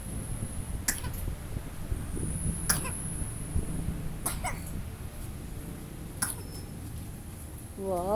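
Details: Zoey coughing on command as a performed trick when told "Zoey, you cough."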